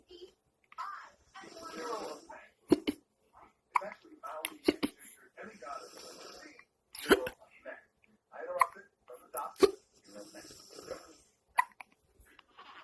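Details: Quiet baby sounds broken by several short, sharp catches of breath, an infant with hiccups.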